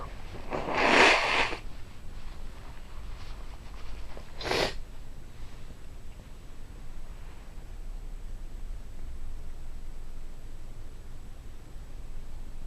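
Two sudden, explosive sneezes a few seconds apart over steady room noise.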